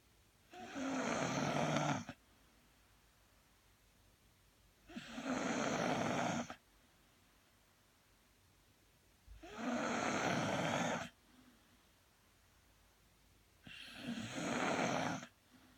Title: snoring